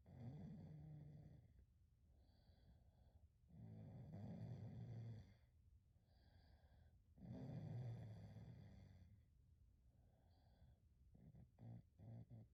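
Deep, rattling snores on each breath in, with softer whistling breaths out, about every 3.5 seconds: a dog snoring in sleep.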